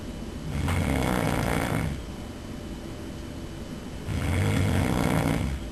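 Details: Sleeper recorded snoring by a roommate: two loud, rough, rattling snores on breathing in, each about a second and a half, with quieter breathing out between.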